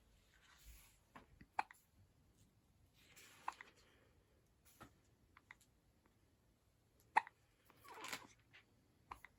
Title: Baby hiccups